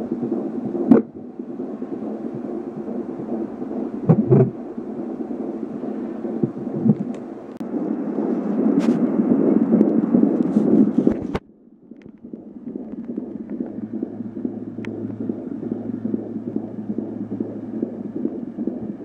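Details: Fetal heartbeat at 14½ weeks of pregnancy via an Angelsounds home fetal Doppler: fast, soft whooshing pulses with loud movement noise as the baby kept moving.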